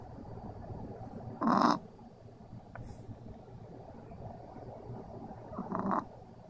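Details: Snoring from a dog.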